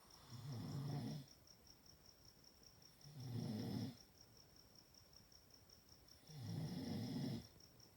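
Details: Chihuahua snoring: soft, regular snores about 21 a minute, each a low fluttering sound lasting about a second, with a faint steady background tone.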